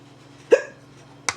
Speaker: I have the hiccups now my chest hurts see I have hiccups it's it's not it's not fun CU it hurts